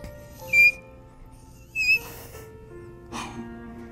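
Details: 13-year-old boy with Tourette syndrome, demonstrating a former vocal tic, a very high-pitched squeak like a mouse. Finding: vocal tic (high-pitched squeak).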